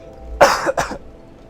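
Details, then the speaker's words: Adult who woke up very sick with a common cold and sore throat gives two quick, harsh cough bursts in a quiet room; cough due to common cold. "I got a really lovely cold just in time. Uh, I'm feeling better now. But if I sound a little grally or cough a lot,"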